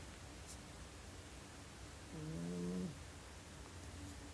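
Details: Sleeping cat snoring: a single low, buzzy, tonal snore lasting under a second over quiet room hiss.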